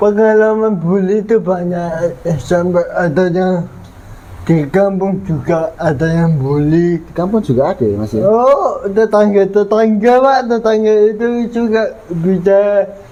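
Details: 22-year-old man with cerebral palsy (physical disability); dysarthria (cerebral palsy).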